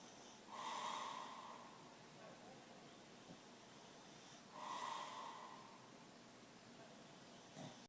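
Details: Two loud, harsh nasal snorts a few seconds apart, with quiet breathing between them, in a recording of a snoring man and his fully awake bulldog; snorting.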